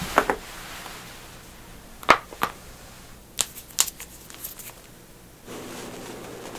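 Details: Joint cracking (cavitation).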